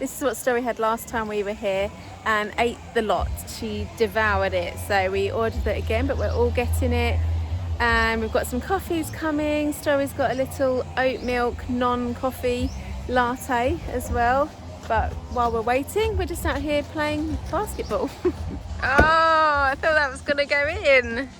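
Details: Adult woman speaking; ordinary speech.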